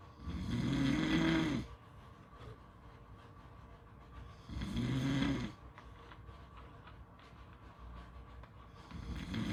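Slow, loud, droning snores about 15 a minute, with quiet pauses and faint outdoor background noise between them.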